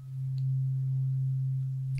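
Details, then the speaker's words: Struck tuning fork giving a steady low pure hum for two seconds during a role-play ASMR doctor's hearing test (simulated ear exam), listener asked to report when the sound dies. "I'm going to try some hearing tests now can you hear this good good on this on this and that's okay just let me know when the sound dies"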